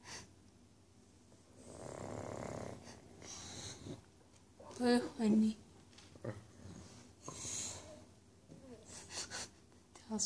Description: Talisker, the tricoloured English Bulldog, enjoying an evening nap before bedtime.